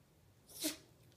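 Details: Single short sharp nasal sneeze from a Yorkshire terrier with allergies.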